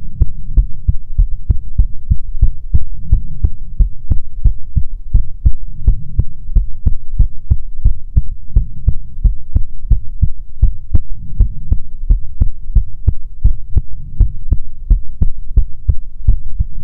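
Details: Steady, regular deep lub-dub thumps, about 75 beats a minute, over a low hum, in an ASMR heartbeat recording meant to be soothing; normal heartbeat.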